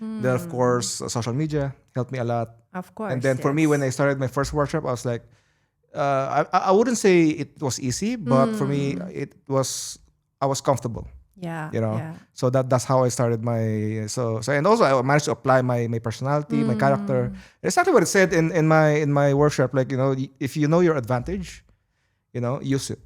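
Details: Adult male who says of himself that he always stutters and is not a natural-born speaker; stuttering.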